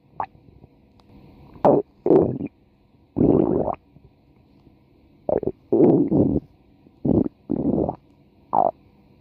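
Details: Female's stomach growling (borborygmi): several bursts of gurgling, bubbling rumbles separated by quiet gaps, from gas and fluid moving through the gut.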